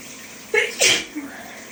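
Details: Adult with allergies flaring after outdoor yard work, sneezing repeatedly in the shower: a single sharp sneeze with a short indrawn lead-in over running shower water.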